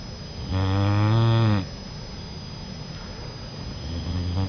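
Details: Boxer puppy taking a nap: one long, low, buzzing snore with a droning tone during sleep, then quiet breathing and the start of another, over a steady background hum.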